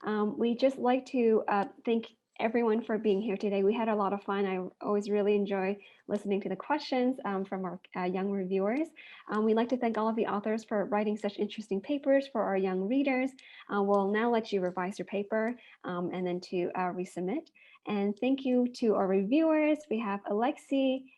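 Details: Adult woman speaking; normal speech.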